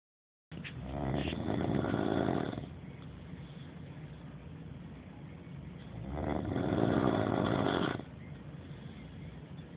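Two long, loud rattling snores on breathing in, with quieter breathing between; about 12 breaths a minute. Typical snoring.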